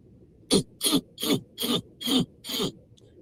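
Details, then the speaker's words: Adult with an itching throat: a run of six short, harsh coughs in quick succession with throat clearing. "[clears throat] >> Oh lord, I'm making all that noise. [laughter] I'm making all that noise."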